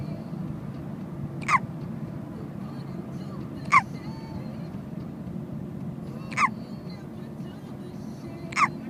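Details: A niece with a hiccup attack in a car: four short sharp hiccups roughly every two to three seconds over steady car engine noise.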